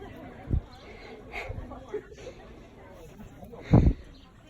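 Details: Sneezing outdoors in a garden full of flowers: two sharp sneeze bursts with a softer one between, over light background noise.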